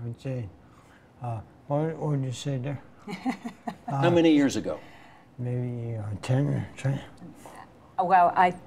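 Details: Dysarthria from Huntington's disease in a 62-year-old man who carries the Huntington gene, diagnosed about 20 years ago, uses a wheelchair and has little body control; slurred, hard-to-understand speech.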